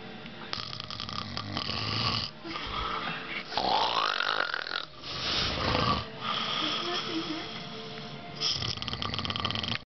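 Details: Loud, rough, rattling breathing in long bursts with some whistling, from more than one sleeper; snoring.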